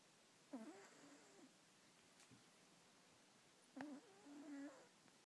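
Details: Two soft, squeaky, whistling snores a few seconds apart in a quiet room; light snoring in a sleeping cat.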